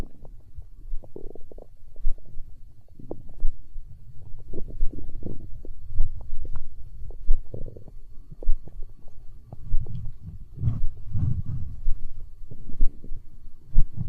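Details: Hunger stomach growl in an ASMR recording: continuous low gurgling and rumbling with bubbly pops, gas and fluid moving through the gut (borborygmi).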